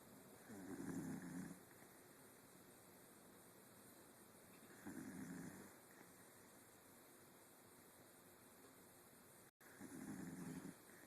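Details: Soft, low snoring on three breaths roughly every 4.5 seconds, about 13 breaths a minute, in a quiet room.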